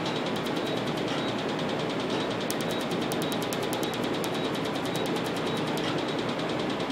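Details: Laser tattoo removal device firing: rapid, regular ticking pulses over a steady loud hiss.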